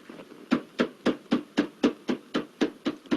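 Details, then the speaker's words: Cupped-hand chest percussion (clapping) for postural drainage in cystic fibrosis: child lying supine, one pillow under hip, two under legs, elevated to 45 degrees; rapid, regular hollow claps, about four per second, on the mid chest over the middle lobe for 2–3 minutes. "For middle lobe, you need to make child to lie in supine lying and keep 1 pillow under the hip and 2 pillow under the legs and slightly elevate it unto 45 degrees where it is elevated, and you need to clap on mid portion of the chest"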